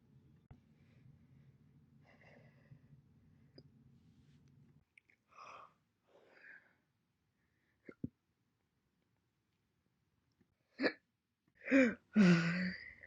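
Several brief, abrupt voiced catches separated by silence, with a low hum earlier; single hiccups, involuntary diaphragm spasms closing the throat.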